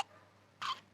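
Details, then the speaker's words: A single brief, sharp hiccup with a faint click at the start from a young child in a quiet room, who is also noted to be sweating: hiccups. "आपको हिचकी आ रही है? आपको हिचकी आ रही है?"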